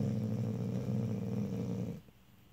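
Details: Snoring in a sleeping Vizsla dog: deep, rumbling, rattling breath noise ending abruptly.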